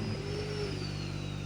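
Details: Man diagnosed with ALS at 44, unable to cough on his own owing to diaphragm weakness, receiving five cycles of cough assist therapy: steady low mechanical hum and whir of the mechanical insufflation-exsufflation machine with a faint high whistle.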